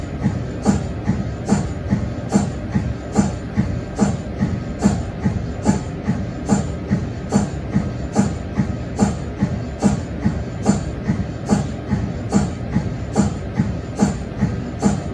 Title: MRI sound (cold head)